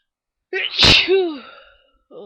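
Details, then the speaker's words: An adult having early-morning sneezing bouts with watering eyes: a single loud, voiced sneeze with a sharp intake, an explosive burst and a falling 'choo' tail. "I was just so sneezy this morning, and I thought I'd try to give you a few."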